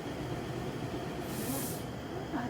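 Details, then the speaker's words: High-frequency chest wall oscillation vest, set to 12 Hz, giving vibrations and pressure to the chest to thin mucus for airway clearance, e.g. in cystic fibrosis: steady mechanical rumbling hum, faint voices in background. "this machine here is called the high frequency chest wall oscillator what it does it provides vibrations and pressure on someone's lungs or chest area"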